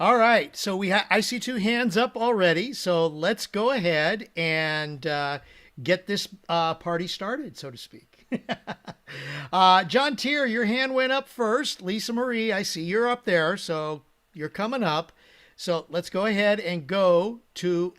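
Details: Adult male host; normal voice.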